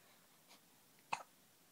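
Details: 5-week-old infant with hiccups; a single short, sharp hiccup in a quiet room, with a faint softer sound just before it. Hiccups.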